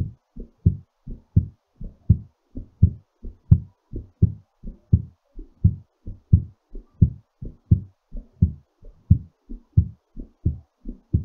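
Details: Regular low thumping heartbeat at about 87 a minute, slightly fast as the heart settles; a normal rhythm after exercise.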